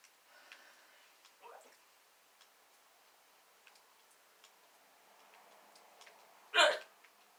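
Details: A girl's hiccup attack that began after laughing while slouching and worsened after drinking too much water; later thought likely due to acid reflux disease: a faint hiccup, a quiet pause, then one loud, sharp hiccup with a sudden breath catch.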